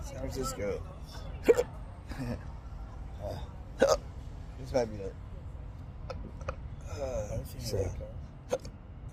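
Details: Repeated short, sharp hiccups, about 26 a minute and irregular, over street noise and talk, from an adult with intractable hiccups, while waiting for a ride with their long-term partner and caregiver; persistent hiccups.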